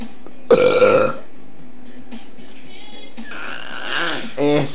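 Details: 10-month-old baby burping on request: two loud, rumbling belches, with an adult voice encouraging and faint music in the background.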